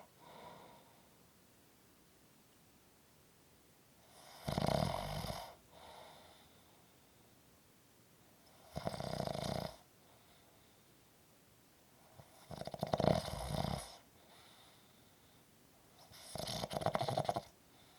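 Loud, rasping snores on each breath, roughly one every four seconds, about 14 a minute, with quiet pauses between.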